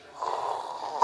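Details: A single rough, rattling snore-like noise lasting under a second, a vocal imitation of loud, irritating snoring (not real snoring) made by an adult during a comedy conversation about disliking snorers.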